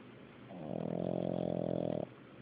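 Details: Recorded on an Android phone: a single drawn-out, buzzing snore of about one and a half seconds in a quiet room.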